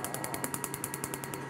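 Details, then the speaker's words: Rapid regular clicking snaps, about ten a second, from a laser firing pulses during a woman's painful tattoo removal session; tattoo removal laser firing. "The laser bursts are coming at trillionth of a second and it's all quite a shock for Melissa."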